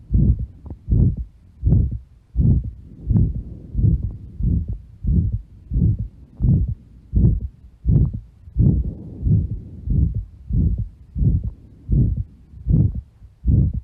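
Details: Aortic stenosis murmur: regular heartbeat about 85 per minute with a rough murmur filling the gap after each beat.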